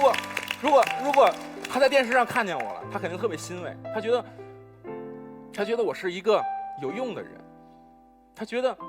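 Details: Male contestant who was recommended stuttering treatment; stuttering with whole-word repetitions.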